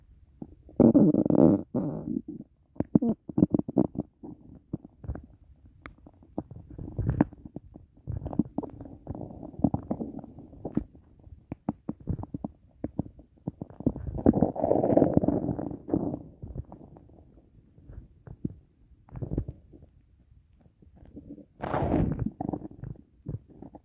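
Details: Frequent gurgling, bubbling and rumbling abdominal sounds after a meal of steak, rice, tomatoes and carrots: ordinary active bowel sounds (borborygmi) of digestion.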